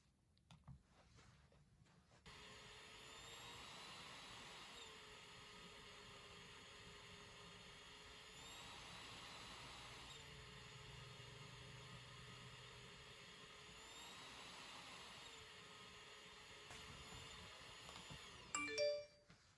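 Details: Travel CPAP machine; steady airy hiss with a faint whine swelling and fading in slow cycles, then a short beep near the end: ordinary running noise of a travel CPAP machine.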